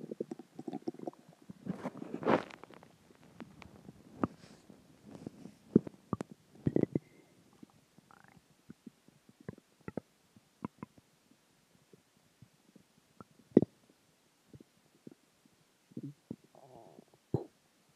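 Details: Ordinary stomach growling (borborygmi): long gurgling rumbles and bubbling squeaks from the belly, coming and going irregularly, from gas and fluid moving through the gut after a combination of dinner and water.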